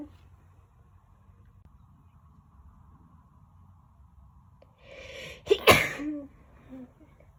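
After quiet room noise, a quick in-breath leads into one loud, sharp sneeze.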